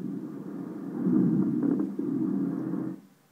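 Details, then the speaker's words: Coarse crackles on lung auscultation: loud, low-pitched bubbling, gurgling sounds that start early, heard through breath sounds. "course crackles are loud low pitched bubbling sounds that start in early [Music]"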